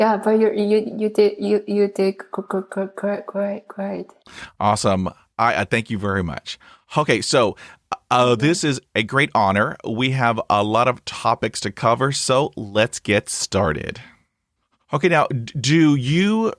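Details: Adult man who stutters, hosting a real podcast; this stretch has repetitions. Finding: stuttering.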